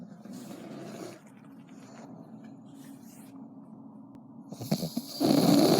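Low rattling snore sounds that end in a louder burst of noise: snoring.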